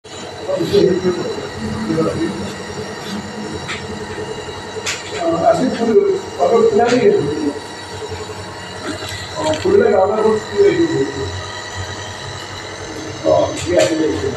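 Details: Steady mechanical hum of a running nebulizer compressor with intermittent louder bursts of nearby sound; nebulization taken for cough relief.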